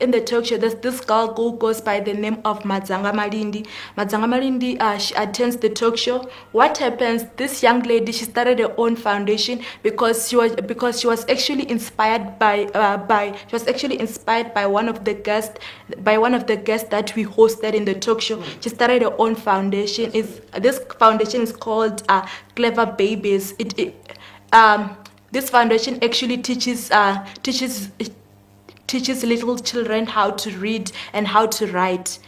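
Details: Male speaker who confirms he has a stutter, which is audible during the interview: stuttering.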